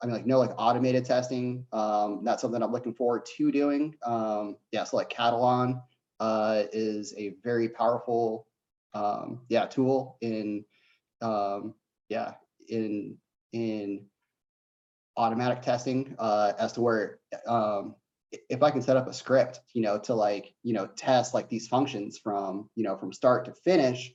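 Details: Adult man who says he has a bit of a stutter; stuttering.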